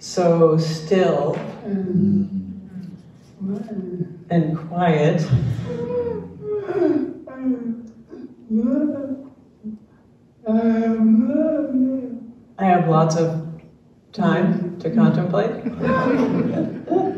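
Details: Dysarthria in an older man, a retired pediatrician, with ALS diagnosed in late 2021; his wife translates his speech, and his jaw trembling is neurologic clonus.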